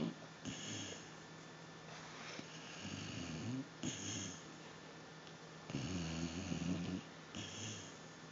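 Rough, low, rattling snores on several breaths, with quiet pauses between them, against a faint room hum. Dog snoring.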